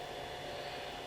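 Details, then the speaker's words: Steady whirring motor hum with even airy hiss, no breaks, from a SolidCLEANER ozone sanitizer cleaning a CPAP mask and hose; CPAP ozone sanitizer running. "all you have to do is hold this button down for two minutes or two seconds and it starts to create the ozone and the ozone is what cleans the system"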